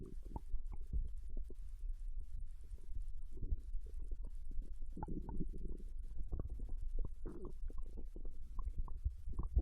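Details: Bowel sounds of ramen digestion from a Japanese girl, recorded while she lay on her side in bed after eating: frequent soft gurgles, clicks and low rumbles of active, normal digestion.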